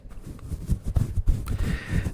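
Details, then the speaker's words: Speaker's own audible stomach rumbling during a livestream, attributed to tummy troubles: irregular low, deep, muffled gurgling and rumbling bursts with faint background hiss; borborygmi. "Did you hear that? That is a sound of an angry stomach. Someone is asking for a time out."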